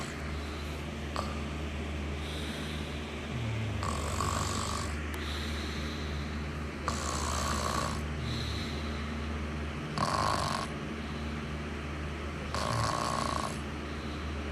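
Repeated low, fluttering snores with breathy phases between them, over a steady room hum. Ordinary snoring.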